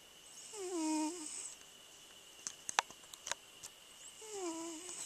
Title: my snoring cat